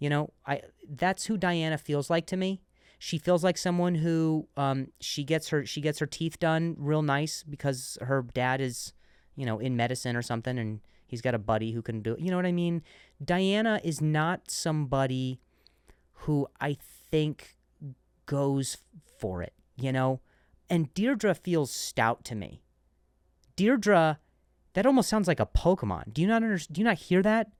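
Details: Adult male comedian who stutters and says he switched to a different word after stuttering; word repetitions; stuttering.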